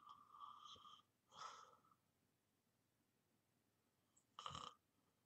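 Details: Person in deep sleep, recorded as white-noise ASMR, snoring: soft snoring breaths in a quiet room, a pause, then a louder snort-like snore.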